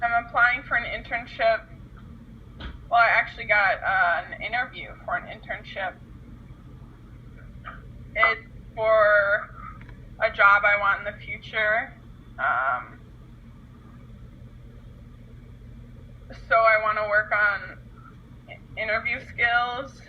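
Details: Acted stuttering in a role-played client whose stutter worsens in stressful situations.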